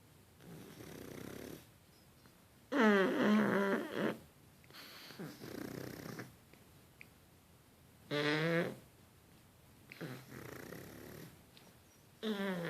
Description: Synchronized snoring from the puglets